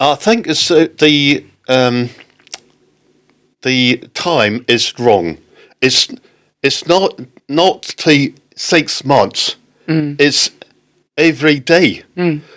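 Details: Adult man with aphasia after a stroke in October 2019; halting, non-fluent speech; non-fluent aphasia.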